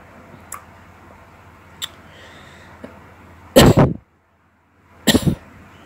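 Two short, forceful coughs separated by a brief pause, over a low background hum.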